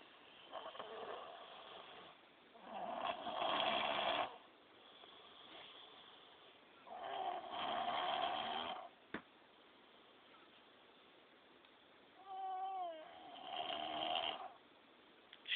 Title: FW:My son snoring like a grown man smh